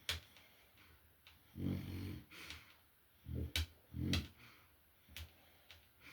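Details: French bulldog (male) snoring loudly: low, snorting snores with short sniffs and clicks in between, in a quiet room; short-nosed dog snoring.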